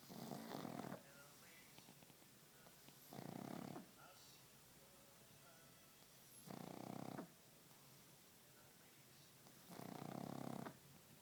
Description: He might only be a pup, but he snores like an elephant